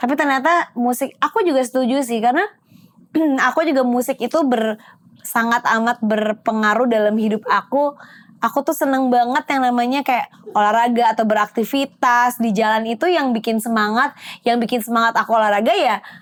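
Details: Adult woman speaking; typical speech.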